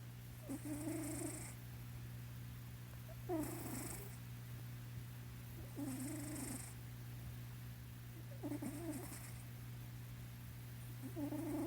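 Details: Cat sleeping in owner's lap, soft snoring purr with each breath, about 23 a minute, over a steady low hum; snoring.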